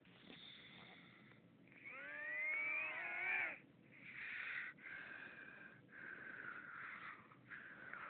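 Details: Brother snoring during sleep in a hotel room, loud enough to keep others awake until 2am: quiet, irregular breathing with a whistling, squeaky note on some breaths, like nasal snoring.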